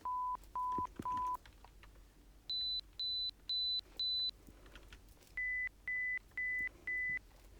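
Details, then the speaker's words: Pure-tone audiometry through headphones, testing one ear at a time: short steady beeps in three groups of rising then lower pitch. The patient raises a hand when a tone is heard; the patient has high-pitched tinnitus and a high-frequency deficit. "Je vous fais entendre des sons très légers. Dès que vous les entendez, vous levez la main."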